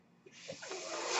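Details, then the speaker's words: Breathing sound of the speaker's own mechanical ventilator during speech: a soft airy hiss builds steadily to a rushing sound over about a second, one breath delivered in a pause. "Hello everyone, my name is. That noise you're hearing is my ventilator."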